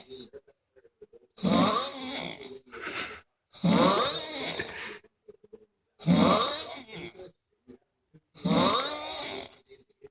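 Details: Person snoring after a hard night of striper fishing: loud rattling snores on each in-breath, about four in ten seconds, with quiet gaps; heavy snoring.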